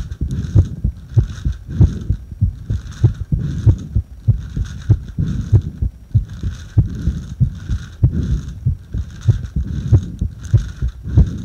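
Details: Heart sounds recorded while breathing into a paper bag: steady, regular low thumping heartbeat with soft, rhythmic airy breath noise over it.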